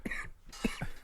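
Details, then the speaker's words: Adult man with a cold or allergies and chest congestion: quick run of short, low coughs; chesty cough. "Yeah, if I get past the cough and the junk broke up in my chest, I think I'd be good."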